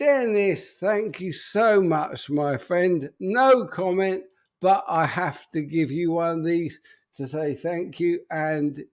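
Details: Adult man with an upper motor neuron disorder affecting speech, progressively more evident and currently worse; real, unacted live speech showing spastic dysarthria (upper motor neuron).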